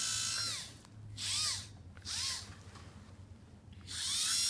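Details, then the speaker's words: Dental polishing with prophy paste, starting on the lingual where most saliva gathers: high-pitched handpiece whine rising and falling in bursts with pauses. "one tip that I've heard is to start here on the lingual as that's where most of the saliva gathers when"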